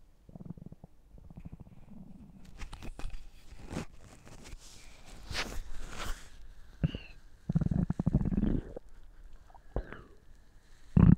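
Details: Stomach gurgling with low rumbling and bubbling gurgles, squeaky rises and pops; ordinary bowel sounds, borborygmi.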